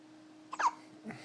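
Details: Hiccuping at 3 a.m. after a meal: a single sharp, brief catch of breath with a soft voiced click, then a faint follow-on breath in a quiet room; hiccup.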